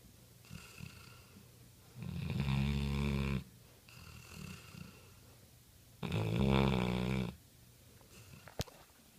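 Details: Sleeping mastiff snoring: two loud, rattling snores on the in-breath with quieter breaths between; ordinary snoring.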